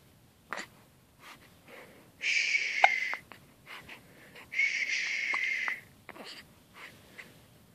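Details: Infant crying from a 2½-week-old baby boy who is hiccuping and getting angry about the hiccups.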